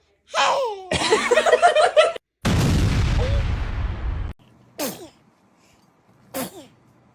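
A loud noisy burst among baby squeals and adult voices, with a small cry afterward, a baby's sneeze.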